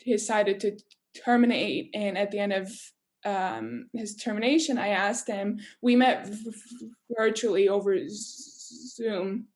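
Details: Adult woman who stutters, with sound and part-word repetitions: stuttering.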